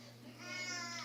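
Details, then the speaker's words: Baby crying in the background while a parent speaks on camera and notes the baby is crying: a brief high-pitched wail rising over a steady low room hum, an infant beginning to cry. "bon là, vous entendez, il y a mon bébé qui pleure, donc je vais devoir y aller."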